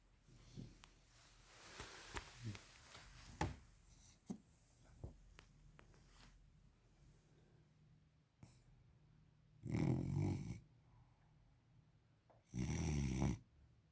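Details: Sleeping Victorian Bulldog puppy snoring: after handling noises, two loud, rough, rattling snores about three seconds apart.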